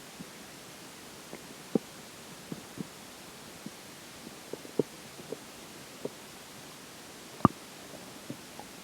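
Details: Scattered soft clicks and pops, about 20 a minute, over a steady hiss during digestion, as swallowed water and air start to take effect; bowel sounds from gas and water moving through the gut.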